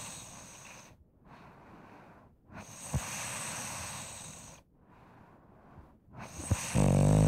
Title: Snoring - Sound Effect (HD)